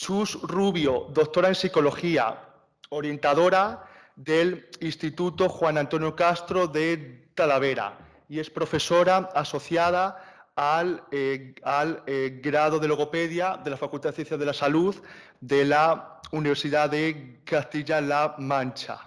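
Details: Young man, stuttering awareness activist, speaking live at a panel talk on stuttering; stuttering.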